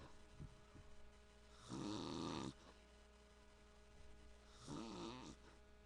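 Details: Father snoring during sleep: two long, loud, rough snoring breaths a few seconds apart over steady electrical hum.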